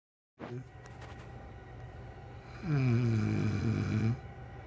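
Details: Snoring in bed next to the recorder: one deep, buzzing snore on a breath in, after a quieter breath.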